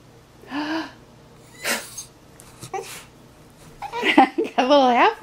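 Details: Dog sneezing on cue after the owner makes sneezing sounds: three short, sharp nasal bursts about a second apart, then soft whining vocal sounds; a run of sneezes.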